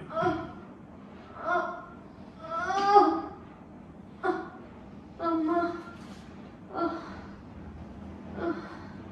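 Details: Repeated short voiced gasps and groans, about seven in nine seconds, with quiet room noise between, from a patient receiving a chiropractic adjustment for back pain.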